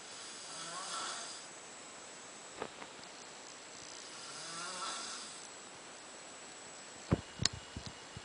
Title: Three animals snoring in a room ...